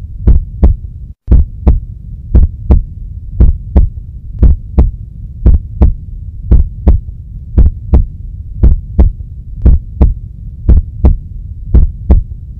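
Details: Steady paired heartbeat thumps at about 58 beats a minute over a low continuous hum.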